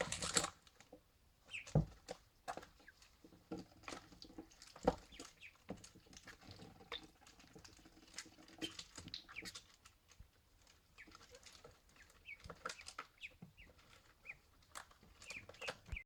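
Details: Ducklings drinking and then giving tiny, sharp sneezes amid soft peeping and splashing, a normal clearing of water from their nostrils.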